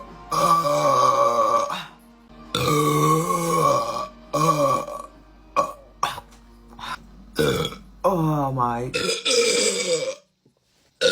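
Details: A girl's run of long, loud, voiced belches of varying length separated by pauses, with faint music behind; repeated burping.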